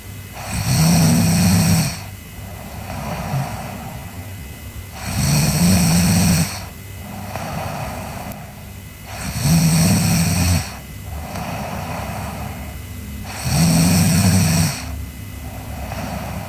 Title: Sleeping Girl Snoring (ICDM) Part 2